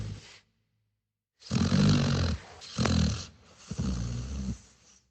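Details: Sleeping dog in a quiet room gives three low, rumbling, rough fluttering snores; ordinary dog snoring.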